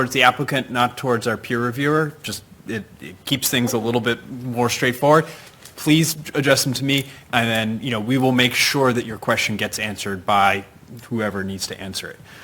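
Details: Adult male speaker; no voice disorder.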